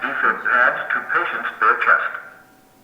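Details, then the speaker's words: Training AED demonstration: a clear recorded voice prompt from the defibrillator while it analyses the heart rhythm; the device guides the user through compressions. "the Machine will tell you exactly what to do it tells you to give compressions it tells you to it'll walk you right through there's little pictures on this thing and it'll tell you exactly what to do"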